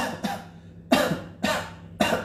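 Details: Dry cough, described as a primary symptom of coronavirus and contrasted with ordinary cough: four short, sharp, harsh coughs in quick succession, each fading quickly.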